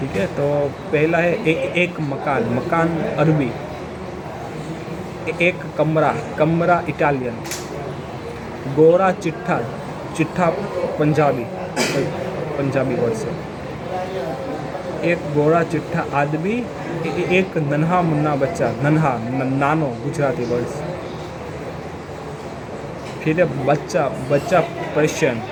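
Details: Adult man who stammers, practicing in a hospital; he says his stammering shows on the lips because of mouth ulcers and that he stammered on words while reading Hindi; stuttering.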